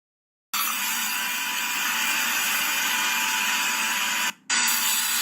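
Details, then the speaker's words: Steady high-pitched whirring of a single pilot drill making an osteotomy for immediate loading dental implant placement, with a brief stop; bone resistance guides implant choice. "I have just made a single osteotomy and selected the implants based on the resistance of the bone. So it is like usually I just do a single drill, the pilot drill, and then I decide on the resistance of the bone and then decide which implants to be placed."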